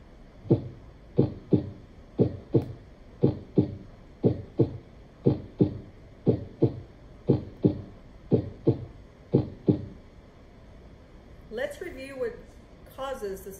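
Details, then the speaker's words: Steady paired lub-dub heart sounds at about 60 beats a minute from a normal human heart heard with a stethoscope: S1 from mitral and tricuspid valve closure, S2 from aortic and pulmonic closure. "the first sound is a closure of the atroventricular valve also known as mitral and tricuspid vowels the second sound is heard from the closure of the pulmonic and aortic vowels"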